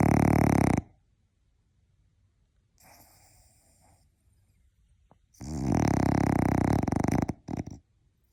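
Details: A napping French bulldog gives loud, rattling snores separated by quiet stretches, with softer snuffles between them: snoring.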